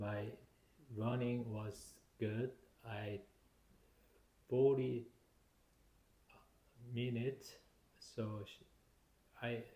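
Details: Adult man, stroke survivor with aphasia due to stroke, speaking shortly after feeling sick following a treadmill workout; non-fluent aphasia.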